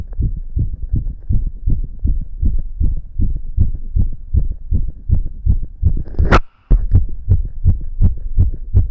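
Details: A boy's heartbeat, felt strongly in his chest, gives fast, steady low thumps at roughly 160 beats a minute, with one brief click and dropout: rapid heartbeat.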